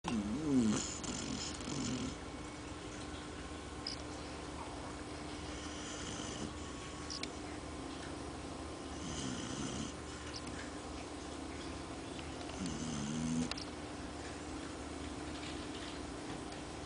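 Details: Brutus, a sleeping pet, snoring: soft, rough snores on the in-breath, repeating every few seconds over steady room hum.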